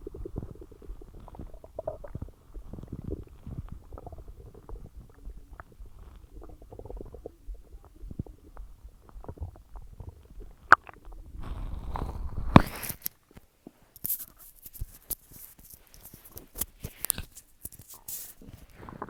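Irregular gurgling and rumbling from the belly, louder bubbling near the end, ordinary digestion sounds after a large meal.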